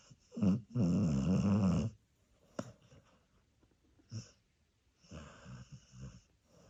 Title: Dachshund Teddy snoring on the sofa #TeddyTheDachshund